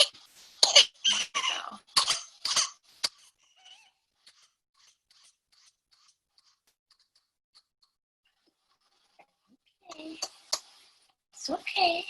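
A rapid run of harsh coughs, then several seconds of near silence with no breath, followed by strained gasping breaths.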